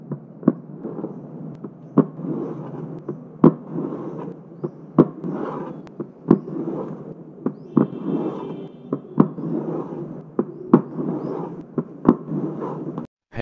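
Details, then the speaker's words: Simulated mitral stenosis mid-diastolic murmur made with a cardboard box: sharp taps with a low-pitched rumble, opening snap after S2, and presystolic accentuation before S1. "mid diastolic murmur in mitral stenosis low-pitched rumbling murmur murmur begin with opening snap after s2 it increases in intensity before s1 called pre systolic accentuation"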